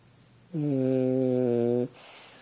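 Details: French Bulldog asleep on a couch: one sustained, droning, buzzy snore lasting just over a second, steady in pitch, in a quiet room; snoring.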